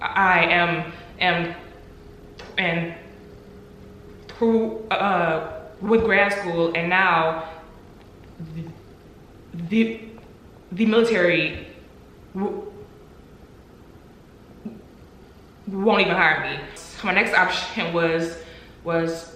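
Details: Adult woman who stutters, with audible word repetitions; she reports three years of job interviews without an offer due to her stuttering; stuttering.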